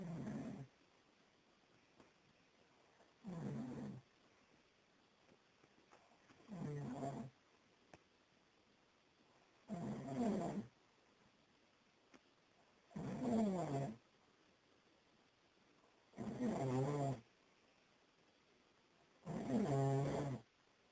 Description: Someone has to much to drink on Boxing Day and here is the result